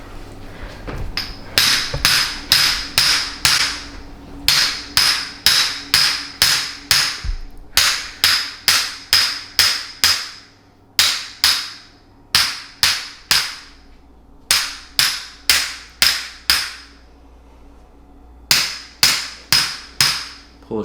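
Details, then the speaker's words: Percussion hammer (naprapathy) treatment on a professional wrestler: sharp rapid tapping in bursts of about five strikes, pausing between series. "it's intimidating getting hammered with Dr Beau Fort"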